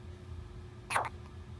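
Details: Person with hiccups: a single short, sharp gasping hiccup against quiet room hum.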